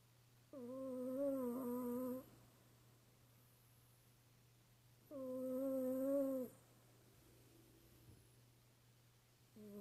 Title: Cat snoring